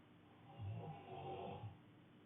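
A single low, rumbling inward snore with a rough fluttering quality, set against quiet room noise.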